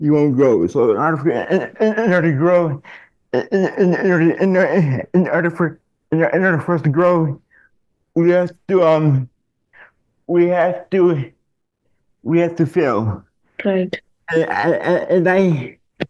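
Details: Adult man diagnosed in childhood with dystonia, a neurological disorder affecting mobility, who had multiple surgeries as a child; dysfluent speech with word and phrase repetitions.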